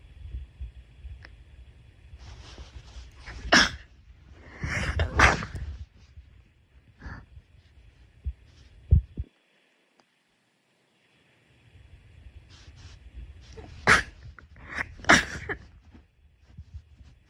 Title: sneeze 1-10